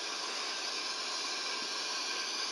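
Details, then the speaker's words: Open-system endotracheal suctioning, catheter advanced until resistance then suction applied no more than 15 seconds, in a respiratory care checkoff demonstration: steady loud hiss of suction through catheter in breathing tube. "advances until a resistance is heard suctions for no more than 15 seconds"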